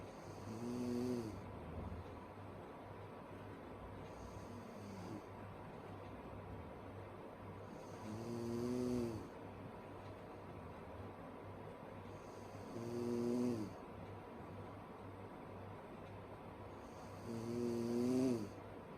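Rhythmic snoring at about 13 breaths a minute, each a buzzing, slightly tonal snore over steady background hiss.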